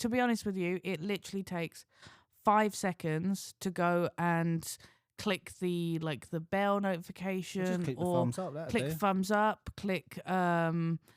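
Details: Adult woman; normal speech.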